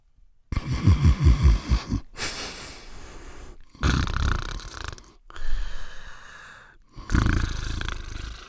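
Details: Cartoon sound effect of a dog sleeping in his bed and snoring: a rattling, fluttering low snore on each breath in, followed by softer breaths out.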